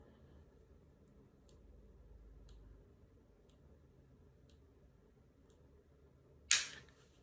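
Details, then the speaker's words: Omnipod insulin pump pod after its placement is confirmed on the app: faint regular ticks about once a second in a quiet room, then one sharp snap as the pod automatically inserts its cannula. "As soon as I click yes, it's going to start clicking. And then I don't know when it's going to insert."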